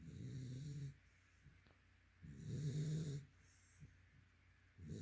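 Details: Yellow/white Labrador retriever, male, sleeping: slow, rumbling snores roughly every two seconds with quiet exhales between; snoring.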